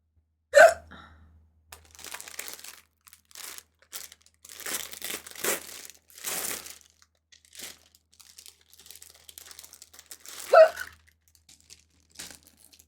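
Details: Person hiccuping during a live stream, saying they have not eaten anything yet: two sharp, abrupt hiccups about ten seconds apart, with packaging rustling and crinkling in between.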